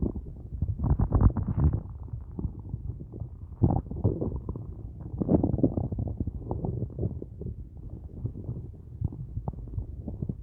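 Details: Hunger stomach rumbling (borborygmi) at the end of a day with only a large coffee and no food: continuous loud, low gurgling and rumbling with bubbling surges throughout.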